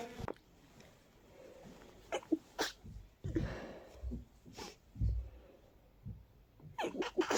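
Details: Powerful, stuffy, stifled sneezing fit during an allergy flare after a day of nasal stuffiness: a series of congested sneezes with sniffing between them.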